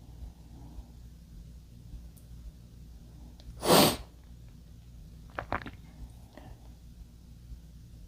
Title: male sneezing